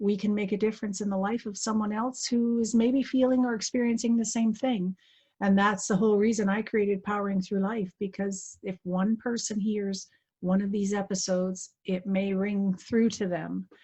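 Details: Adult woman; typical speech.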